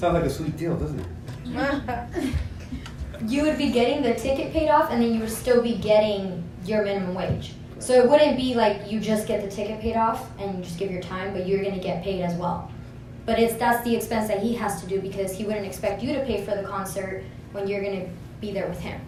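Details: Adult woman speaking, with a second voice briefly; normal speech.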